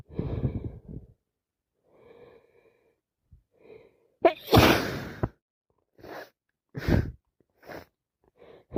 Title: can't stop sneezing